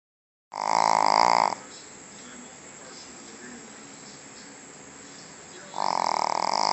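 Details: Shih Tzu snoring: loud buzzing snores from a small flat-faced dog, one per breath with a quiet pause between; ordinary snoring.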